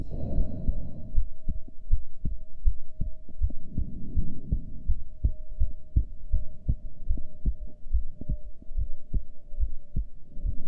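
Steady heartbeats at about 80 per minute over a low hum, with some body noise early on; normal heart sounds during a breath hold.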